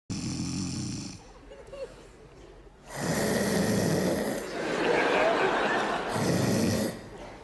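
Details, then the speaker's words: Simulated snoring acted in a comedy TV scene: loud rattling snores in long noisy bursts with pauses between. "ты что, храпишь, что ли?"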